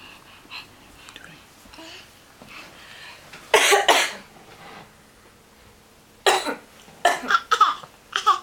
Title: Coughing